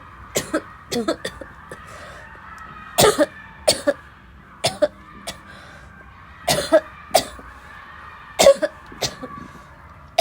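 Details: A really bad barking cough fit: repeated harsh, barking coughs in quick bursts with throat clearing, forming a prolonged coughing fit.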